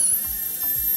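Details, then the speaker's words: Very high steady whine, shifting briefly in pitch as the bur engages, over low rumbling: a high-speed dental drill held parallel to the slope, reducing the non-centric cusp smooth slope of tooth 37 for a cast-metal overlay. "Passamos a redução da vertente lisa da cúspide não cêntrica e, para executar essa redução de vertente lisa, a broca deve estar sempre paralelo à vertente."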